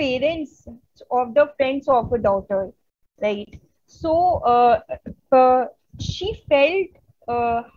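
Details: Adult Indian woman who stutters, presenting on women and stuttering at a stuttering conference; stuttering.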